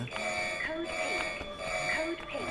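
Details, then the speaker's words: Dramatized film scene: hospital alarm sounding to signal a kidnapped baby; repeating electronic alarm tones ringing steadily; alarm. "Tiba-tiba alarm rumah sakit berbunyi pertanda ada seorang bayi yang diculik."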